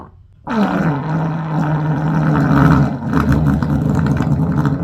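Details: Long, loud, low rumbling belch lasting several seconds with a gurgling quality, after vegetables caused a bubbling stomach and frequent farting; burping.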